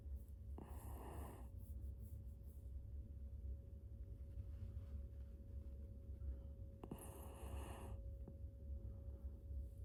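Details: Two brief noisy breath sounds, like snores or snorts, over a steady low room hum; loud snoring.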